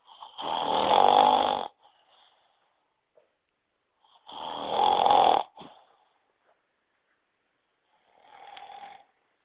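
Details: Loud, harsh rattling snores on inhalation roughly every four seconds, quiet pauses between; ordinary snoring.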